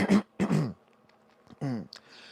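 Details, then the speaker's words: Adult gives two harsh voiced cough-clearing bursts then a drawn-out throat-clearing grunt, attributed to eating cayenne pepper. "so, so, so basically then that kind pepper is really trying to detox me right now."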